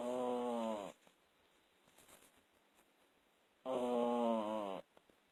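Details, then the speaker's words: Dog snoring in sleep: two long, buzzing, throaty snores separated by a quiet pause of a few seconds. "You snoring, baby. You've been snoring."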